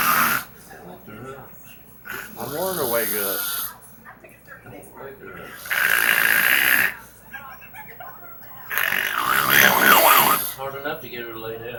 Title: snore zilla